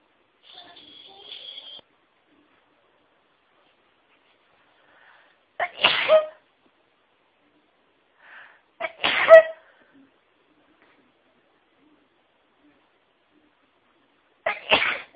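Three loud sneezes in succession, each with a short in-breath before the burst, spaced a few seconds apart; a sneezing fit.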